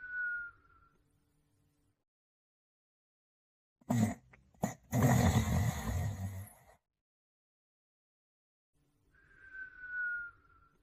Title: The Male Borzoi Dog Sleeping & Snoring